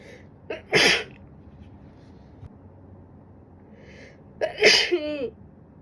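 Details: Two sharp sneezes, each preceded by a quick breath in, in a quiet room, during a winter cold; sneezing.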